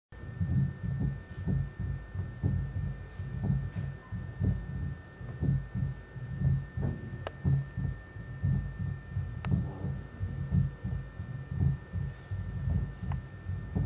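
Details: Normal heart sounds recorded with a standard electret microphone embedded in silicone with a small air chamber to amplify low-frequency vibrations: steady, low lub-dub beats at about 60 a minute with a constant faint hum.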